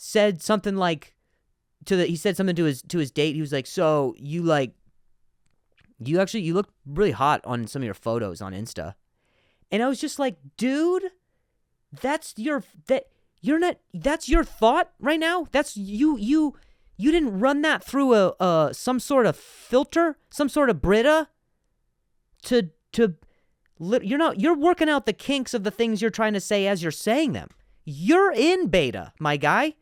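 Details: Adult male comedian who stutters, speaking naturally; he reports some words are hard for him to say; stuttering.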